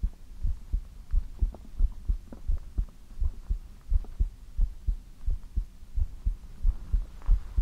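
Soft, steady, low lub-dub heartbeat at about 85 to 90 beats a minute, with a faint hum behind it. Normal rhythm.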